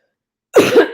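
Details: Single short, dry cough after a moment of silence, no rattle or wet sound; non-productive cough about two weeks into COVID-19 illness, treated symptomatically with Mucinex and Tylenol.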